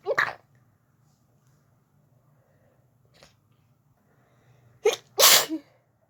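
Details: Sneezing fit in bed after turning onto the other side while trying to sleep: several sharp sneezes, a quick pair at the start and two more near the end, with a steady low hum behind.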